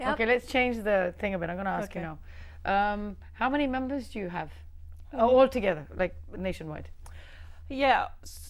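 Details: Adult speaker; fluent speech.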